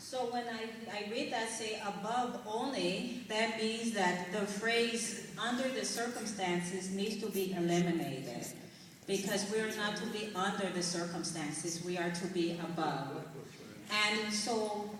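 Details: Adult woman whose dialect changed after a brain injury mimicking a stroke in 2004, heard by relatives as Jamaican, with very slow speech and six months of speech therapy, reading scripture aloud; foreign accent syndrome.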